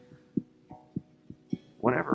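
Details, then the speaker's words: Soft, regular heartbeat at about 100 beats a minute, the speaker's dying son's heartbeat recorded with a stethoscope microphone and kept on a phone, heard over quiet music and ending in a burst of voice. "Brian was able to um use a stethoscope microphone and record my son's heartbeat to be able to have that and carry that around on my phone is is heartbeat you know what I mean I can listen to his"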